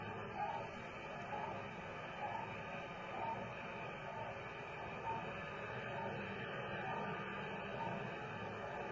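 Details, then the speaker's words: Radio-telemetry heartbeat of the dog in Sputnik 2, recorded November 6, 1957: faint pulses about 67 per minute over heavy radio hiss, with aurora fading; ten clear beats were spliced, so the rhythm is uneven. "e heartbeat of Micah, the dog, in Sputnik number 2, recorded on November 6, 1957. Fading was quite severe that night on account of Aurora Borealis display, so we have taken 10 good clear heartbeats, repeated it several times, and spliced them together."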